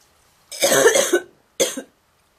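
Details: Girl coughing in a quiet room: two harsh bursts, the first long, the second short, with a honking, goose-like quality; honking cough.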